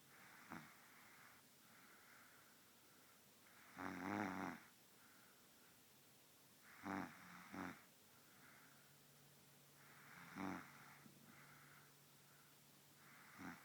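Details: Loud snoring from a baby girl who has fallen asleep: rough, rattling snores on each breath in a quiet room, about five breaths over fourteen seconds.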